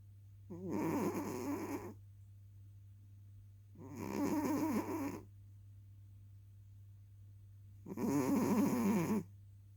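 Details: Three long, rough, vibrating snores about every four seconds over a steady low hum; snoring during sleep.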